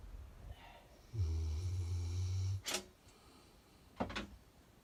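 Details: Dog worn out after a morning walk, sleeping: a deep, low snore lasting about one and a half seconds, followed by short snorting breaths in a quiet room; dog snoring.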